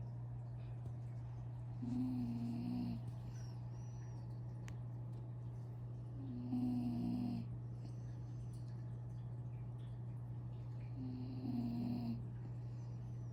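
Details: A small mini doodle dog, asleep again after breakfast, snoring: three soft, low snoring sounds, one every few seconds, over a steady room hum.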